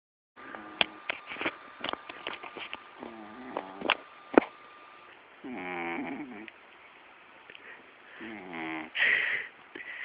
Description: My cat mojo has alwas snored loud, but not realy like this